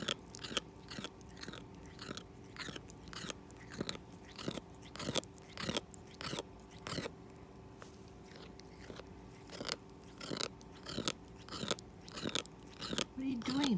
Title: Binky cat teeth grinding